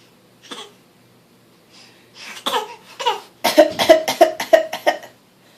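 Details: A young child fake-coughs on request, giving a run of short, voiced, deliberate voluntary coughs, some sounding almost like laughter.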